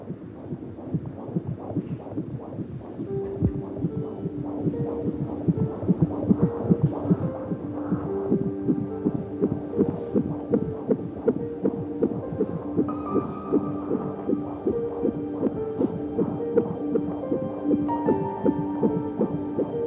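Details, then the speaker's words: Rapid, regular whooshing pulses at about 158 a minute with music over them; a normal fetal heartbeat on ultrasound at a stated 8 weeks 3 days of pregnancy, in a TV drama scene. "Kalp atışı mı bu? Çok güzel. Her şey yolunda."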